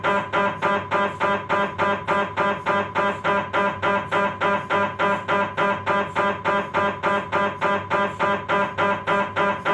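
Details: MRI scanner noise from a Philips 1.5T running a STIR sagittal lower-spine sequence: loud, fast, very regular knocking pulses, about 207 a minute, with a buzzing tone.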